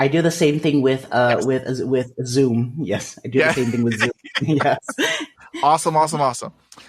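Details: Developmental stuttering, which he calls a speech disfluency, in an adult man.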